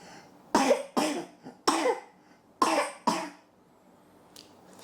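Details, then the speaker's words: A man coughing: five short, sharp, dry coughs in quick succession, recorded while demonstrating a Rode Wireless GO II microphone. "This guy has a cough, and he's giving it to me."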